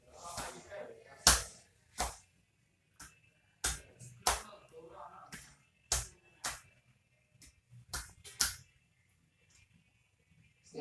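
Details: Chest percussion (clapping) on an adult male patient during a simulated nursing demonstration of chest physiotherapy with effective coughing, done after auscultation, working from bottom to top for about 3–5 minutes.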